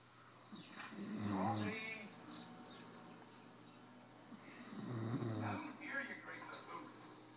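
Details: Slow, rough, low snoring breaths about four seconds apart with faint background noise; an adult man snoring.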